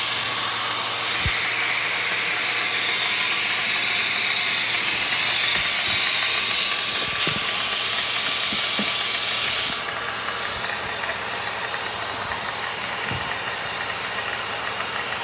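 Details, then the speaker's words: Dental suction unit running in a test rig with Micro-Smart firmware 20180223, a ball valve standing in for the spittoon valve: steady loud hiss of air and fluid with faint hum, pitch shifting as the valve changes. "as you can see the flow off into the pumps for me it's quite light but as you can see it's actually pulling very nicely the main waters on the inner side of the tube"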